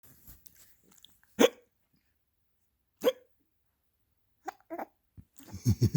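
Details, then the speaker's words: Someone with hiccups. "Somebody's got the hiccups."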